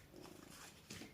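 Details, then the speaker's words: Adult's stomach gurgling loudly for a while: low, bubbling rumble with a brief louder gurgle; borborygmi. "je sais pas si vous entendez depuis tout à l'heure mon ventre qui gargouille à la mort"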